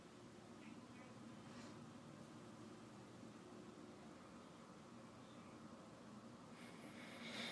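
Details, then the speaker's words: Stethoscope auscultation of the abdomen, quadrant by quadrant, during a health assessment with the patient relaxed: soft, occasional gurgles over steady hiss, normal bowel sounds neither too fast nor too slow. "I hear really nice bowel sounds that are not too fast and not too slow"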